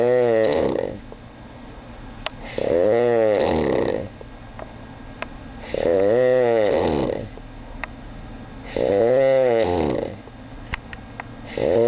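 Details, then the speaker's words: Child snoring at 3 a.m.: loud, regular snoring at about 20 breaths per minute, each a harsh vibrating rumble with quieter breathing between; snoring. "it is 3:00 in the morning and this kid is making noises that not even a [ __ ] animal will make"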